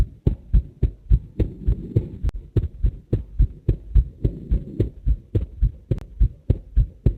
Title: ミルさん心音からの動画化 2013.3.26 / Heart MRI video with Mill's heart sound 1